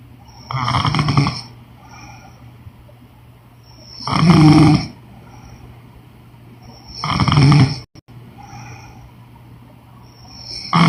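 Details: Loud, regular rasping snores about every three seconds, around 20 a minute, with quiet pauses, from a sleeping woman; ordinary adult snoring.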